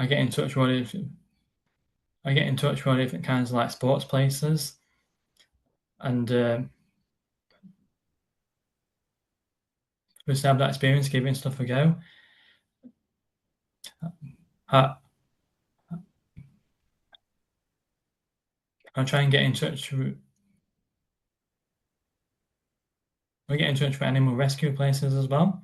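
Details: Adult man with a stammer; stuttering (stammer).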